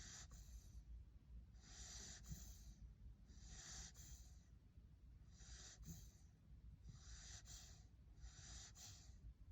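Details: Sleeping puppy taking a tiny snooze, snoring: soft, airy, snuffling breaths, about 34 a minute, with a faint snort on each.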